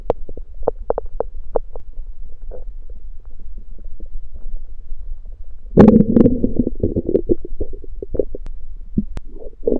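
Low gurgling rumbles and bubbling pops from the belly, building to a long loud growl; ordinary hunger growling after fasting.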